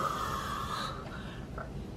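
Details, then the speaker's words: Adult imitates the throaty, gargling snort-like noise her mother described her making during focal seizures as a baby, with eye blinking; not tonic-clonic seizures. "like it was kind of like a gargling noise like that you know something along those lines she said so yeah that was my seizure symptoms"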